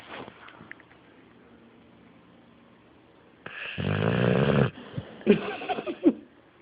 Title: Gator the Snoring Merle pitbull